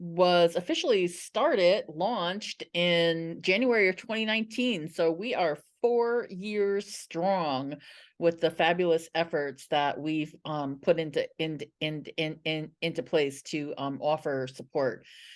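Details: Adult woman who identifies as a person who stutters and has been a National Stuttering Association member for 17 years; real, non-acted speech showing stuttering.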